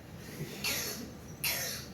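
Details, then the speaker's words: Barking cough (tos perruna) of croup (laryngotracheitis), with no air even to cough: two harsh, hoarse, seal-like cough bursts. "miren lo que sería una tos perruna eso que no tiene ni siquiera aire para toer"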